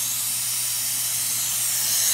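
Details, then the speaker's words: Four-year-old boy, pediatric dental SMART Hall crown procedure with NuSmile stainless steel crowns after SDF, rinsing away excess glass ionomer cement: steady loud hiss of air-water syringe rinsing the mouth. "Now we're just gonna rinse and floss away the extra cement."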